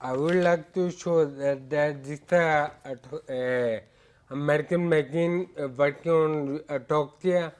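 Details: Adult male with ataxia affecting speech, balance, posture and gait, with walking and speaking problems developing gradually over years; a neurologist describes it as scanning speech; ataxic dysarthria.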